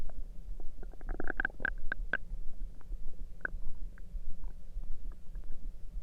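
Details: Overnight stomach noises: irregular gurgles and squeaky clicks over a low rumble; typical bowel sounds (borborygmi).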